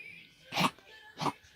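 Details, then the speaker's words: Central Asian Shepherd (Alabai) female dog that began coughing today, breathing heavily; two short, harsh cough bursts from what the owner calls bronchitis, recorded the morning of 24 Dec 2017. "Сегодня кашлять начала. Вот как мы кашляем. Вот как бронхит у нас."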